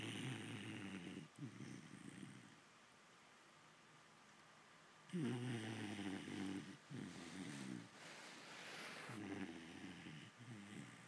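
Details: Vizsla puppy snoring in the morning: loud, rough, rumbling breathing noises in irregular bursts with quieter gaps; snoring.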